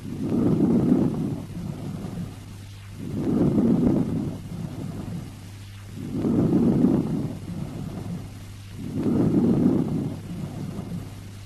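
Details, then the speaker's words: Normal chest auscultated with the stethoscope diaphragm over most of the lung, away from the center: soft, slow, low-pitched rustling breaths with longer inspiration and faint expiration; normal vesicular breath sounds. "Now let us auscultate a normal chest. Over most of the lung, away from the center, you can hear the slow, low-pitched, rustling vesicular breathing."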